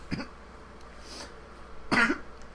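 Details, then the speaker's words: Two harsh coughs in a quiet room after inhaling smoke during a smoking session, an irritant cough. "He's fucking coughing up his lung. His brass knuckles do that shit."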